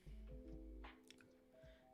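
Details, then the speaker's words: An adult livestreamer's stomach growls with deep, low gurgling rumbles, felt moving from one side to the other, under steady background game music (borborygmi). "you heard that, that's my tummy. There's no way you didn't hear that. There is absolutely no way on this planet that you didn't hear that. That was crazy. It went from one side the whole way to the other."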